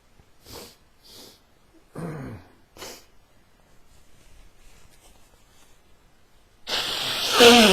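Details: A person with a very stuffy nose sneezing and blowing their nose: several short breathy bursts and sniffs, one voiced sneeze, then a long, loud, rushing blast of nose blowing.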